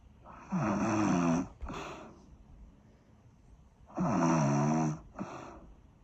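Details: Two loud, rattling snores on the breath in, each followed by a short, puffing breath out; heavy snoring.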